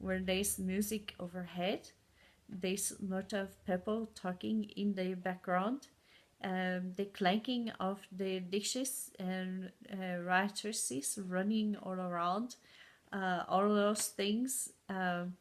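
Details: Adult woman with aphasia and foreign accent syndrome caused by a stroke four years ago, with memory problems and good and bad speaking days; foreign accent syndrome with aphasia.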